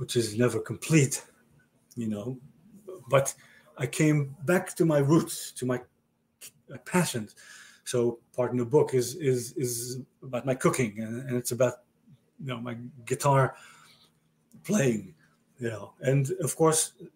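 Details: Male stroke survivor with aphasia following a stroke about 30 years earlier: real, chronic post-stroke aphasia.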